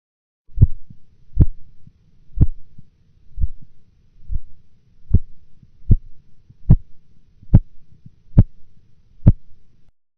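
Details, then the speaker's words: Blood pressure measurement: regular Korotkoff taps near 72 a minute, systolic heard at 162 mmHg, then sounds absent for about 4 mmHg before reappearing stronger; auscultatory gap. "In the following example, the systolic blood pressure will be heard at 162 millimeters of mercury, followed by an absence of sounds for 4 millimeters of mercury, after which they will reappear."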